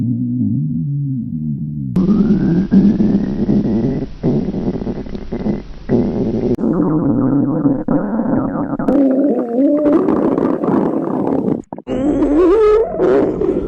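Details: Person's hunger-related stomach growling recorded as they grow hungrier: gurgling, rumbling, squeaky stomach noises growing louder and longer; normal borborygmi.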